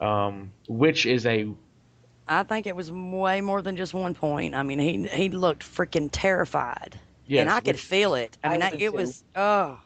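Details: Adult woman speaking; typical fluent speech.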